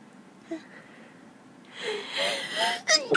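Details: Woman sneezing from allergies, nose itching: a gasping build-up of indrawn breaths, then the sharp start of a sneeze burst as the clip ends.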